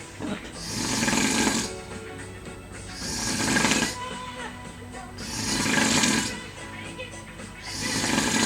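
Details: Person snoring in a hotel: rhythmic rasping snores on each breath, about 26 a minute, over faint background music; steady snoring.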